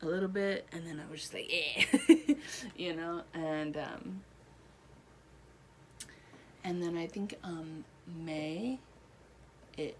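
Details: Adult woman one year after a stroke affecting her right side, speech improving with therapy; Broca's aphasia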